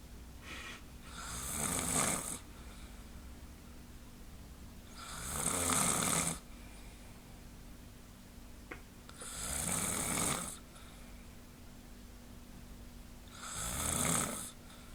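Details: Regular rattling snores on each in-breath, about 15 a minute, from a person sleeping in bed, with a faint steady room hum; ordinary snoring.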